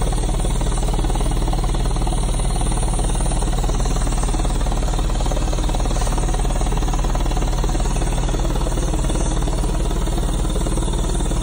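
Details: High-frequency chest wall oscillation airway clearance vest during treatment by an adult with pulmonary hypertension, sick for about 7 weeks with an unexplained illness and doing treatments every 2 hours; steady low rumbling vibration with rapid regular pulsing.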